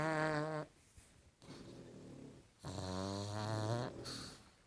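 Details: Two loud, rumbling snores from a sleeping pug, a small flat-faced dog, separated by a quieter breath in a still room; snoring.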